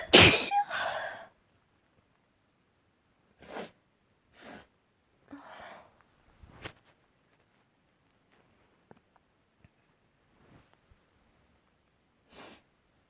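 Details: Loud sneezing after working with wood and dust: one loud, forceful sneeze, then several smaller sneezes and sniffs over about ten seconds; a bout of repeated sneezing.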